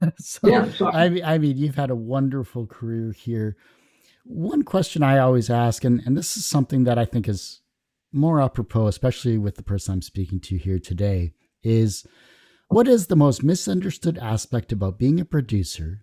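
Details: Adult male interviewer; ordinary speech.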